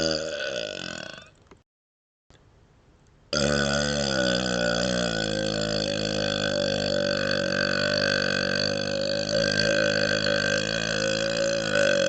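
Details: Deliberate burping while rubbing the belly, patting the head and moving the tongue outside the mouth: a long, loud, rumbling belch held for several seconds after a short pause and an earlier burp.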